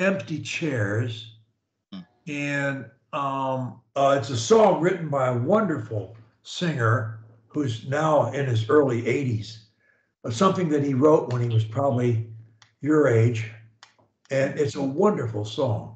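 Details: Adult man; fluent speech.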